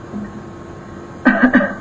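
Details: In a quiet room, an adult female patient lying down during an abdominal exam gives a brief voluntary cough in two or three quick bursts.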